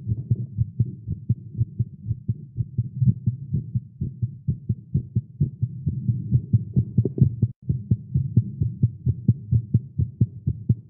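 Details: Male heartbeat while exercising after caffeine, recorded during a live stream: rapid, fairly steady low thumps at about 130 a minute over a low hum; fast heartbeat.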